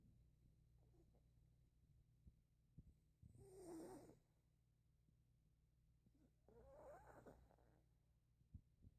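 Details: Pet dog snoring while asleep: two soft, raspy snoring breaths over a quiet background hum; snoring.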